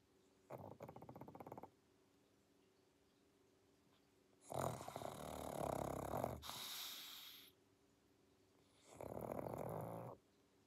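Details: Pug, a flat-faced dog, snoring while asleep: three noisy, rattling breath sounds with some snorting and pauses between, in a quiet room.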